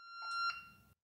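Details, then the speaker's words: Corpuls3T defibrillator during a demonstration of synchronised cardioversion for tachyarrhythmia at 120 joules, delivered by holding the shock button: a steady electronic tone with two short bursts on top, ending abruptly as the shock is delivered. "Attention, we are cardioverting the patient, everyone away from the patient. By pressing and holding down the shock button, the energy can be delivered."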